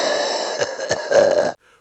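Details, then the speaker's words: Wheezy cough: short coughing bursts over a steady, high musical whistle from narrowed airways, a tight musical sound signalling asthma, COPD, or allergic bronchospasm. "Wheezy cough - a tight, musical whistle caused by narrowed airways. Signals asthma, COPD, or allergic bronchospasm."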